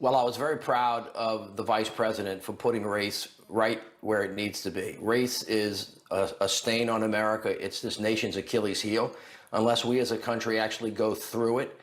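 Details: Adult man speaking; normal speech.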